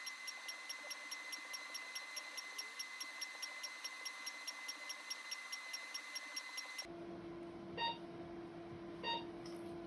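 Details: Radiofrequency microneedling self-treatment of the face, with settings adjustable to tighten or target fat; extra passes are planned around the mouth and nose. Steady, evenly spaced short electronic beeps over a faint hum, then a change in tone as the handpiece pulses.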